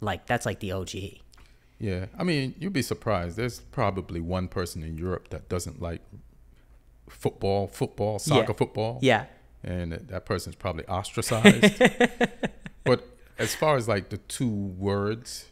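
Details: Adult man; typical speech.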